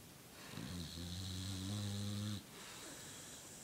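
A long, low, rattling inhaled snore from a sleeping dog, followed by quiet breathing; ordinary snoring.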